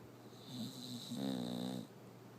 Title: Bulldog snore